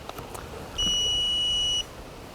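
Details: Single steady high-pitched beep lasting about one second as an IPAD SPR semi-automatic AED trainer unit (same operation as live unit) switches on, over quiet room noise; followed by voice prompts.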